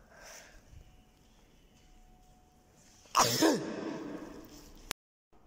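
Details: A single sharp male sneeze sound effect bursts out after a quiet lead-in, then fades with a brief exhale.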